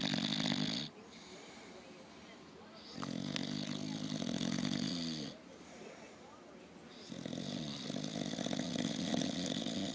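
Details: A lazy English Bulldog resting with one eye open gives loud, rattling snores on each breath in, about 15 a minute, with quieter breathing out between them: snoring.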